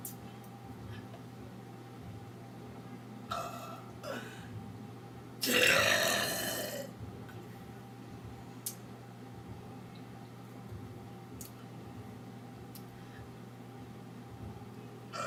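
One long, loud belch after a couple of smaller throaty sounds, over steady room hum; burping.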